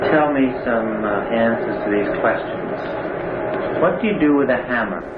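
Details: Adult male speaker; ordinary speech.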